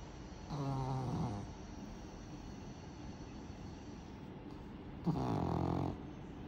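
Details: Pug snoring: two long, low, rattling snores about four seconds apart with quiet breathing between, from a small flat-faced dog; the clip is tagged as snoring pug and ear cleaning.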